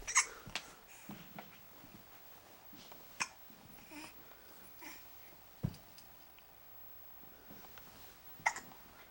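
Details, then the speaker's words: Female with repeated hiccups, described as sounding painful: several brief, sharp catches spaced a few seconds apart over quiet room noise; hiccups. "she try some milk should try to drown the hiccups they say"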